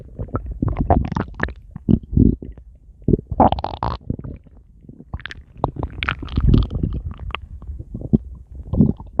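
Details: Adult male's stomach growling: repeated low gurgles and rumbling bursts from the abdomen, ordinary bowel activity (borborygmi).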